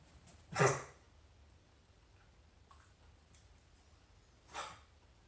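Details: Two short, sharp, harsh bursts a few seconds apart from a dog named Ruby: coughing.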